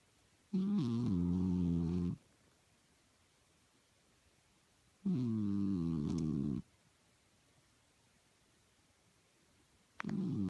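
Loud, low, buzzing snores on each breath, about 13 a minute, with quiet pauses between; snoring.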